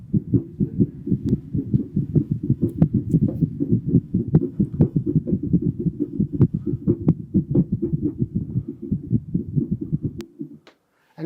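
Rapid, completely irregular heart sounds tumbling with no steady rhythm, like shoes in a washing machine: atrial fibrillation in a dog.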